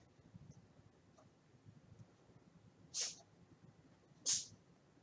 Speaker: know if you hear that that's a cat she sneezing